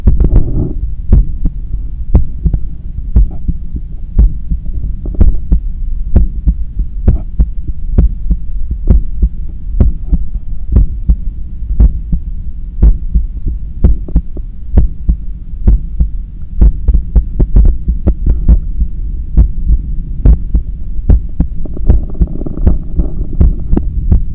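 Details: Normal heart sounds heard at the neck pulse of a runner recovering after a 10 km run: steady, strong heartbeat thumps over a deep rumbling hum.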